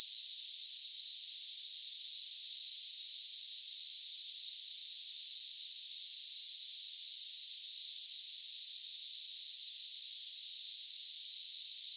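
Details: Steady high-pitched hiss without pause or low tones, a simulated cicada-like tinnitus sound for comparing ringing or buzzing in the ears.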